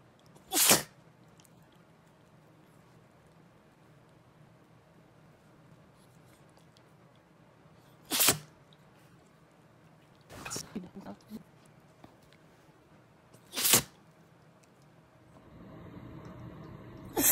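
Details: Repeated sneezing in a dog with seasonal allergy: four sharp, hissing sneeze bursts spaced several seconds apart, with a few softer snorts between.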